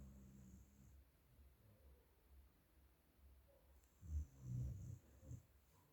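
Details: Sleeping dog: quiet, low, irregular rumbling breaths, then a couple of louder snorting snores; snoring.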